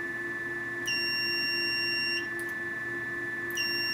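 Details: Venus Viva radiofrequency skin-rejuvenation handpiece during a full-face treatment at the jaw line and cheek area. High electronic beeps, each held for over a second, repeat over a steady hum, signalling each completed energy pulse.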